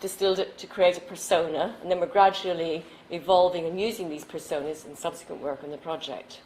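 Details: Adult woman speaking; normal speech.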